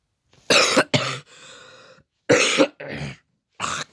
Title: Mr.Dice hiding from The FBI! (sorry for the coughing in the video 😓)